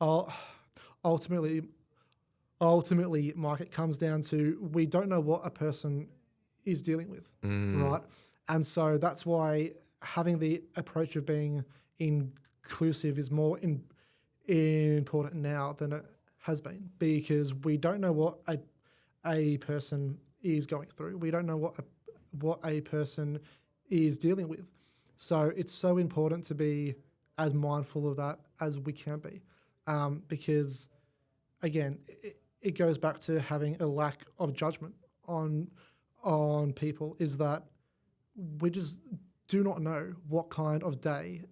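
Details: Adult man born with cerebral palsy affecting his whole left side; stutter described as a symptom of it, first noticed around age five, went away about a year then returned worse; treated with the McGuire Programme; stuttering.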